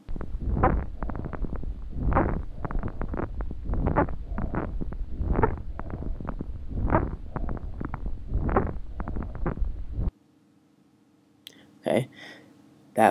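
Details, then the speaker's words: Crackles (rales) in a CPAP training recording: breath sounds full of fine, thin, watery popping crackles in repeated bursts, arising from fluid in the small airways and alveoli. "sound was rails and remember rails is a thin watery sounding uh usually down in the avioli"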